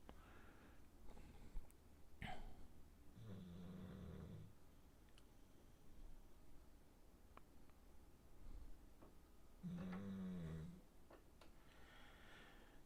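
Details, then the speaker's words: Low rumbling snores from a sleeping pet dog in background of a room, two longer snores with scattered small clicks and room noise; snoring. "every time I'm quiet you should be able to hear the dog back there snoring love my little boy"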